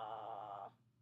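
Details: Deliberate clinician demonstration of the 'ah' sound in vocal (glottal) fry, the opening step of the vocal fry to modal technique, which is used to increase vocal fold control when a mass is present; vocal fry (glottal fry).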